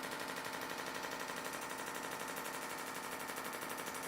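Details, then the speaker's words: Shockwave therapy device delivering pressure pulses to the tendon for Achilles tendinitis or rotator cuff pain in a live demonstration: rapid, regular, loud machine-gun-like clicking at about four pulses a second. "And it creates like a kind of machine gun type sound where it's pressing into the tendon um to essentially bring uh an acoustic energy to help bring blood vessels to the area"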